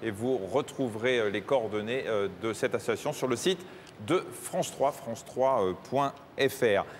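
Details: Adult male TV host; unaffected speech.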